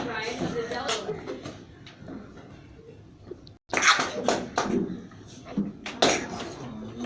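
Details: Girl with an extreme, rapid, continuous sneezing tic: several sharp, explosive sneezes in quick succession.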